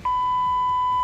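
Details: ZOLL AED 3 in a simulated cardiac arrest training demonstration: loud, steady, high single-pitch alert beep during heart rhythm analysis and shock advice.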